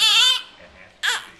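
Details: A cranky baby girl, already fed and changed, gives two short, high-pitched cries with a pause between; ordinary fussy infant crying.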